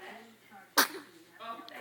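Single sudden explosive sneeze between adult voices in a room.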